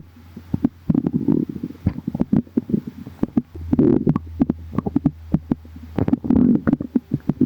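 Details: Repeated soft gurgles, clicks and low rumbling bursts over a steady low hum in a calm tummy: ordinary stomach growling, normal bowel sounds.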